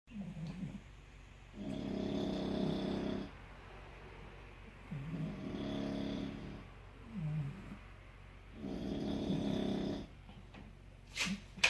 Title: Bulldog Snoring and Barking